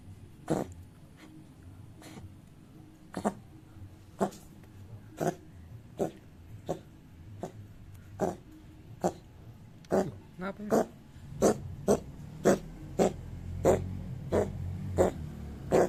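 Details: Cat coughing: repeated short, sharp bursts, about 20 over 16 seconds, coming closer together toward the end.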